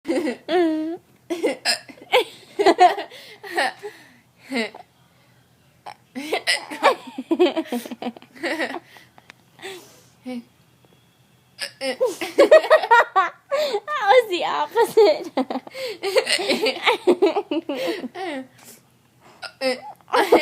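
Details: Hiccups set off by laughing: laughter broken by short, sharp, involuntary catches of breath; hiccups.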